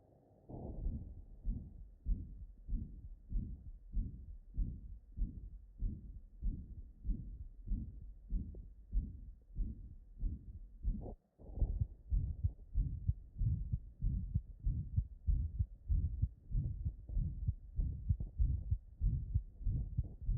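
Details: Live-recorded auscultation of an ejection systolic murmur, compared against a pansystolic mitral regurgitation murmur: a regular heartbeat near 95 a minute with a whooshing murmur between beats.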